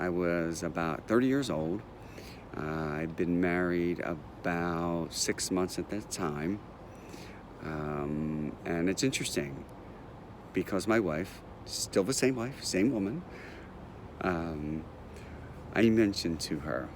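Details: Adult man who stutters and has had speech therapy, mentioning blocking and word avoidance; stuttering.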